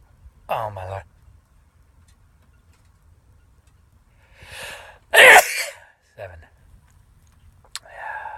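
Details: A voiced exclamation, a building inward breath, then one loud explosive sneeze followed by brief sounds in a quiet room.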